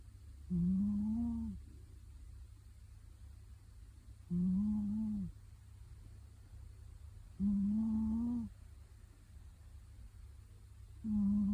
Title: Adorable cat is snoring loudly